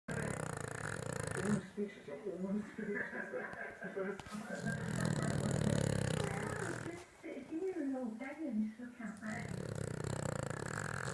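Continuous loud, rumbling, fluttery snoring with wavering tone through each long breath; snoring in a sleeping dog.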